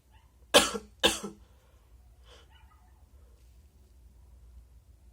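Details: Wet spray sneezes: two sharp, wet sneezes in quick succession, then a faint sniff in a quiet room; the recording also includes nose blows and some coughing.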